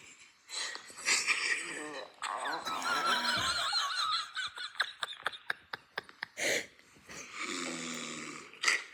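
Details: A father snoring with rough, rattling snores and a sleeper's breathing, mixed with someone nearby laughing and brief talk; snoring.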